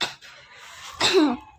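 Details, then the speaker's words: Acted cough in a student English dialogue: adult gives a brief cough, a short burst then a louder, partly voiced cough a second later, playing someone sick with a headache; cough. "I keep coughing and my head is killing me."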